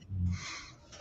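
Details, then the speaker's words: Pet Harley, laid out asleep behind a chair during a live podcast (host also says cat snoring), audible over the conversation; snoring. "Yeah, I was wondering if you guys could hear that, because I could definitely hear it. And little Patty was like, "What is that snoring sound?""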